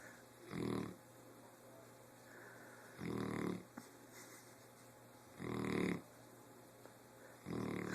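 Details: Sleeping dog snoring: slow, regular rumbling snores, about one every two and a half seconds, over a steady room hum; snoring.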